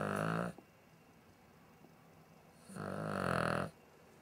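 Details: Dog (now deceased) snoring while asleep: two loud, rumbling, voiced breaths a couple of seconds apart with quiet between.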